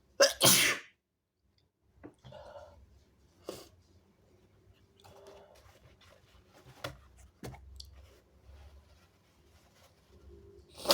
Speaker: Oh my god. Excuse me. It was so big. Whoa. I sneezed on you.